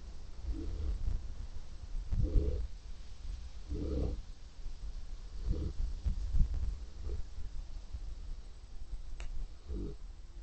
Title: snoring neapolitan mastiff